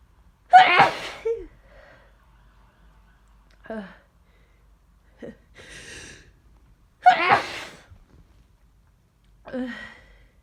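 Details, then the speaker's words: Adult woken with aches, sore throat and headache, suspecting a cold or flu, sneezing all morning; two forceful sneezes, each with a sharp inhaled lead-in, with sniffling between. "I've been sneezing like this all morning. I don't know. What's wrong with me?"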